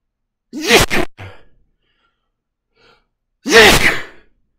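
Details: Adult man sneezing after taking snuff: two loud, explosive sneezes, each preceded by a quick sharp intake of breath.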